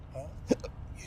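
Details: Adult with debilitating intractable hiccups, recorded while travelling in San Francisco: a single sharp, voiced hiccup over road noise; persistent hiccups.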